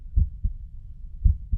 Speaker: hear these sounds from the heart rate it's just simply indicating that there are everyone has a different heart sound a heartbeat and so i put this one in here just to give you an idea of what a normal heart rate would sound